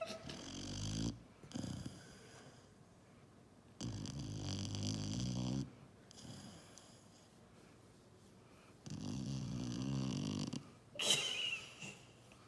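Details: Sleeping puppy snoring: rhythmic raspy snores roughly every four to five seconds, with a brief snort near the end.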